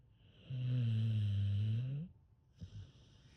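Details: Sleeping American Bully/pit bull dog: one long, low, steady rattling snore lasting about one and a half seconds, then a brief soft snort; snoring.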